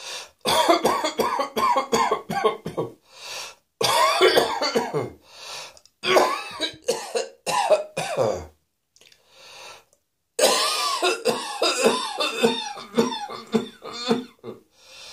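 Acted coughing in rapid harsh bursts, one after another, with a brief pause in the middle.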